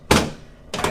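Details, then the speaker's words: Two dull, sharp thuds about half a second apart during a chiropractic adjustment of a woman's shoulder/AC and sternoclavicular joints, lying on her back; audible joint cavitation. "whoa that moves really good though I don't know if y'all heard that on the video or not but that actually made a pretty loud audible"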